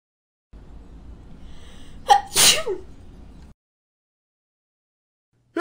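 A single sharp 'ah-choo' sneeze with a quick breath in before it, voiced for a cartoon character; an acted sneeze.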